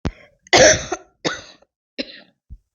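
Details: Acted adult cough, a demonstration for a cough-and-cold home remedy: a short run of four or five harsh coughs in under three seconds.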